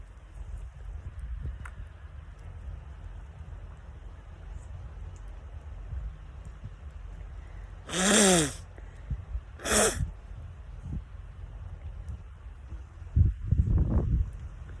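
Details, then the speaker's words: Person outdoors in a sweet pea field, with an eye problem, sneezes twice over steady outdoor background noise, the second sneeze shorter than the first. "I found my glasses I lost them having a little problem with my eye right now sneezing is making me wink"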